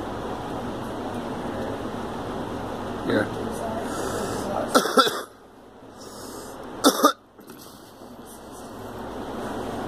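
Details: Girl gives two short pairs of sharp coughs against a steady background hum.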